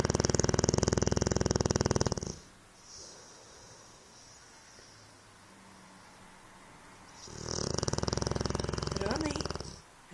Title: The greatest snoring